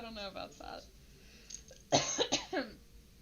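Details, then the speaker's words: Short speech, then a quick run of four harsh coughs from an adult woman who says it is allergies with asthma, not corona. "It's not corona, by the way. I have allergies. Really bad allergies that make me cough because I also have asthma."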